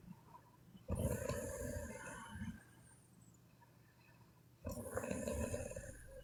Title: Sleeping Chinese Women Snoring (CWN) Part 1